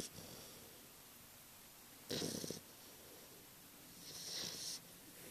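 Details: English Bulldog puppy sleeping: two harsh, raspy snoring breaths a few seconds apart over quiet room noise; snoring, recorded with a Flip Video camera.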